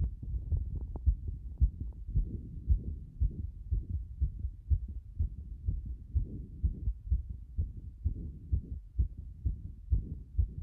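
Fast, muffled heartbeat at roughly 125 beats a minute, a rapid heart rate.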